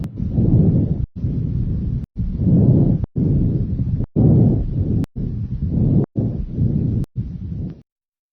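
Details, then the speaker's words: Moderate-pitch, moderate-amplitude breath sounds with inspiration and expiration equally long, heard on the posterior thorax over the major bronchi from T1 to T4: normal bronchovesicular breath sounds. "on the posterior thorax you should hear Branko vesicular sounds over the major bronchi from t1 to t4 these sounds are moderate in pitch and amplitude last equally long on inspiration and expiration and sound like this"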